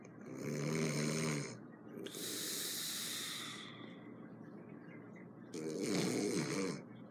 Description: My roommate snores a bit loud